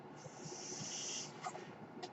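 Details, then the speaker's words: Mechanical ventilator sound heard behind the speaker, who says the noise is his own ventilator. "hello everyone my name is that noise you're hearing is my ventilator"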